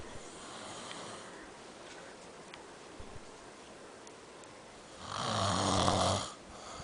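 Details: An adult man (a father) asleep: quiet room noise, then a single loud, rattling snore on an in-breath lasting just over a second.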